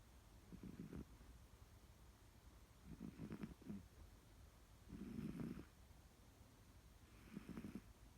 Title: Cat #snoring